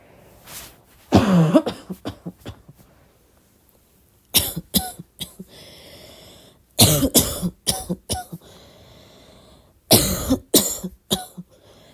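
Three clusters of short, fairly soft coughs, four to six each, in a quiet room at night.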